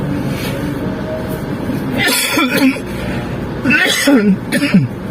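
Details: Person with a cough and cold coughing inside a car during rain: a couple of harsh cough bursts with throat noise over steady car-engine and rain rumble.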